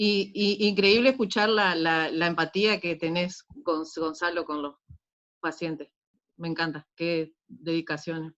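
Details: Adult speaker; no voice disorder.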